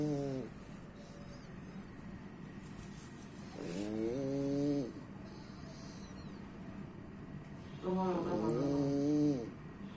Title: My cutie snoring.